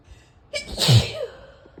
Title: Female Sneezing